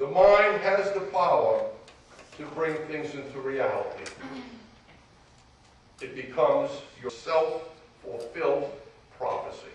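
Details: Adult man speaking; typical adult speech.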